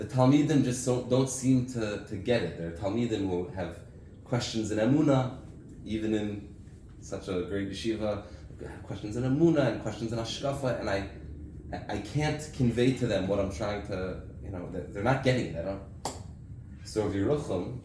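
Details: Adult man with aphasia after a stroke six years earlier, with memory loss and loss of use of an arm; difficulty speaking, writing and reading, knows what to say but can't get it out; reading a prepared text aloud; aphasia after stroke.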